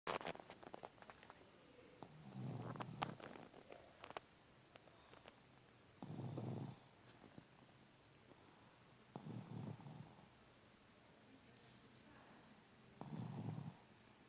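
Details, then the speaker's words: A man snoring continuously during sleep: rough, rattling snores in bursts every three to four seconds, with faint room noise between; snoring. "dá para parar de roncar por favor você é louco mano para de roncar um pouco aí"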